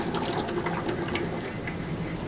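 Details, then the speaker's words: Steady soft bubbling in suction control chamber A of an Atrium chest drain on wall suction during setup; gentle bubbling expected, while bubbling in the other chamber would indicate a leak from the patient. "so what you should see is bubbling in chamber a they always talk about a gentle bubbling you know you're probably gonna get it"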